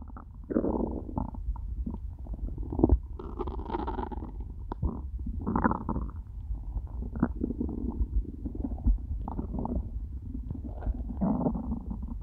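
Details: After eating nothing all day, stomach starting to hurt by the end; continuous low gurgling and rumbling with bubbly bursts; hunger borborygmi (stomach growling).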